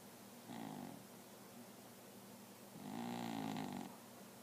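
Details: Cat snoring from time to time: two soft, rattly snoring breaths, a shorter one then a longer one, over faint background hiss.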